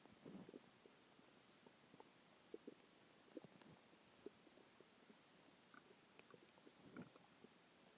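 Quiet, scattered gurgles and brief rumbling bursts from the belly; ordinary stomach growling after a large meal.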